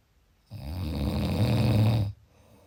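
A single loud, low, vibrating snore lasting about one and a half seconds; ordinary snoring.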